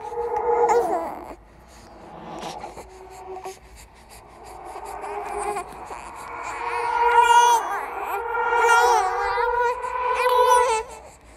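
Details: Horror sound-effect recording, not a real infant, of a ghost baby crying: wavering, drawn-out crying with eerie effects and faint music behind it; infant cry.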